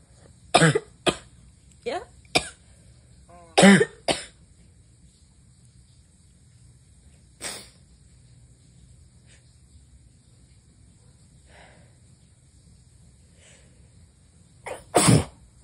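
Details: Adult having a run of strong sneezes while a girlfriend says "bless you": several sharp, explosive bursts in quick succession with brief voices between them.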